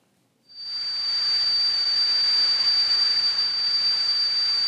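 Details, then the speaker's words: Simulated tinnitus, not a real recording: a steady high-pitched whistling tone over a constant hiss, imitating ear ringing that can be high- or low-pitched, whistling or whooshing. "it can be high pitch low pitch it can be whistling sounds it can be a whooing sound you know these are all different forms of of tenus"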